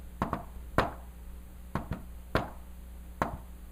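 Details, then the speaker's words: Tapped imitation, not a real recording: a soft beat just before S1, then S2, giving a galloping triple rhythm likened to "Tennessee": fourth heart sound (S4 gallop). "Now, S4 is so close to S1 that when I do it really fast, you might not even notice. Look at this. Because it sounds like Tennessee, Tennessee, Tennessee, Tennessee."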